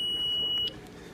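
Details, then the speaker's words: Zoll defibrillator charging at 200 joules after pressing the charge button: a long steady high-pitched beep that stops abruptly when charged, shock button turns red; hospital device tutorial demonstration. "the next thing you want to do is hit the charge button um when you hit that you'll hear a long beep you'll see the device charge up"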